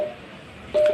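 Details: Two short electronic key-press beeps from a Uniwer UMS A12 multiparameter patient monitor during menu operation, as it is put in demo mode with ECG traces to show the freeze function, over quiet room noise; normal device sound.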